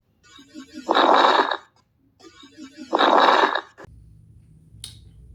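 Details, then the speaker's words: Two noisy breaths heard through a stethoscope with a rough, crackling texture, played as a teaching example of crackles, an abnormal breath sound. "तो crackles में आप generally देखते हैं एकदम cracks type के आपको generally रहेंगे। इसमें जो टाइम और कोर्स उसका जो रहता है वो थोड़ा डिफरेंट रहता है।"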